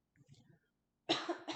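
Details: During a bedside swallow evaluation by a speech-language pathologist, after faint speech and a pause, an adult patient coughs on request: loud, abrupt cough in two bursts, a firm, normal voluntary cough, acted demonstration.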